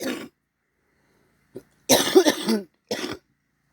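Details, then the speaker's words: Adult cough from someone still battling a cold. "Excuse the cough, I'm still battling a cold. Still feeling pretty icky."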